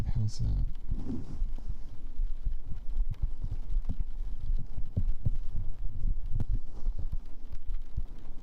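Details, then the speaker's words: An adult streamer's own heartbeat during a live ASMR stream, after it was called quiet and fainter than usual: soft, low, muffled thumps repeat steadily through a faint room hum. "Oh yeah, it might do actually because the heart's kind of quiet. I can turn it down a bit. How's that? Is that yeah, you can hear my heartbeat better now, huh?"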